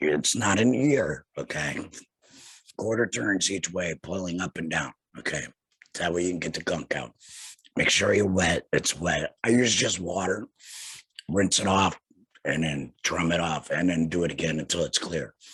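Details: Tracheoesophageal speech in a laryngectomee talking with a tracheoesophageal puncture (TEP) voice prosthesis after laryngectomy surgery.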